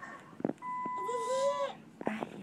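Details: IV pump alarm beeping, a steady electronic tone, in a labor and delivery room, with a child's voice and clatter nearby; the child asks what the noise is and is told it's the IV beeping, until it stops.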